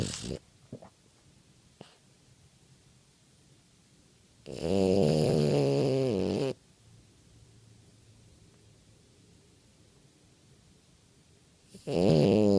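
Loud, rough, vibrating snores about two seconds long, separated by long quiet pauses. Noisy snoring in a small flat-faced dog.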